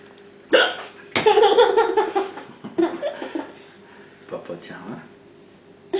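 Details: Hiccups in a child: sharp voiced hiccup sounds mixed with laughter and vocal noises.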